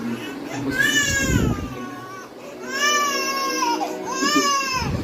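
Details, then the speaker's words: 5-month-old boy, exclusively breastfed, crying after playing, once his father had been given his meal, later lulled back to sleep: three long loud wailing cries with falling pitch and short breaths between; sleepy infant cry. "बर्तन मांजने के बाद इसके पापा को खाना दिया उसके बाद ये रोने ही लग गया"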